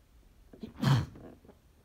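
A single muffled sneeze burst after a brief inhaled build-up, held back and dampened.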